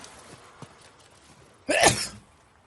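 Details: A single sudden, forceful sneeze through nose and mouth after a quiet lead-in.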